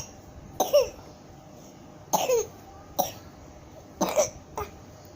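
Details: Five short, sharp coughs in quick succession from an infant after laughing hard; cough after laughing.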